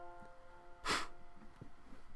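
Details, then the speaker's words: Single abrupt, forceful snort-like vocal tic over soft background music from a speaker with Tourette's. "I'm sorry if you hear that. I have Tourette's, so you might go hear that once in a while."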